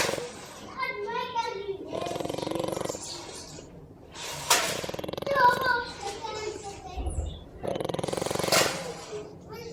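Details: Sleeping pet dog snoring: rattling, fluttering snores recur about every three seconds, with a child's voice in the background.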